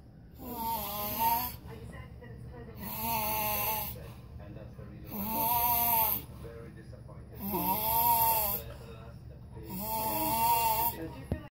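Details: Cousin of Tongan background snoring: loud, rhythmic, voiced rattling on each inhalation, about 25 breaths a minute with short quiet gaps; uploader suggests possible sleep apnea.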